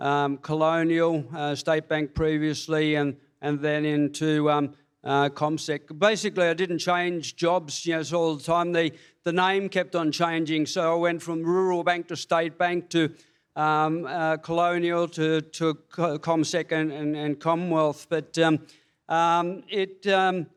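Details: Adult man diagnosed with Parkinson's disease in February 2022, now having speech pathology; he reports a stammer, running out of breath reading aloud, drooling, and gait, gaze and fine-motor problems; speech disfluency and monotone voice in Parkinson's disease.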